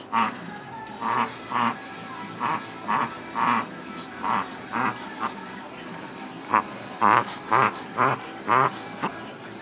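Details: Rapid, repeated honking snorts at about two per second, drawn in through the nose; reverse sneezing in a Japanese Chin dog.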